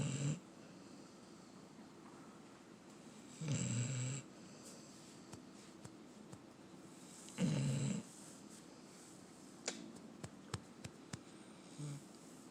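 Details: A sleeping companion animal snoring: regular low, buzzing snores about every four seconds, roughly 15 a minute, in a quiet room.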